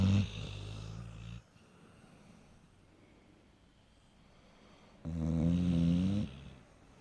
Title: Stereo snoring !